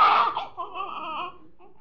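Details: Newborn baby boy crying just after birth: a short, wavering, thin, tremulous high-pitched cry.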